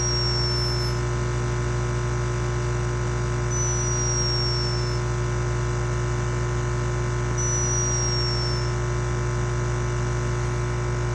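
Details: Tired rescued hummingbird resting: tiny squeaking breath sounds while sleeping; snoring.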